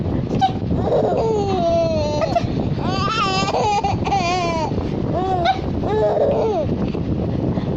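High, wavering, tuneful infant crying in several bursts over steady room noise; ordinary infant cry.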